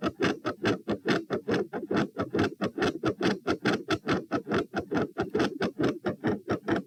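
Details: Heart sounds at position P, standing, 132 bpm, reproducing symptoms of feeling unwell and faint after 5–10 minutes standing: fast regular beat, third heart sound, fixed split S2 and murmur, changing patterns, briefly silent then increasingly louder.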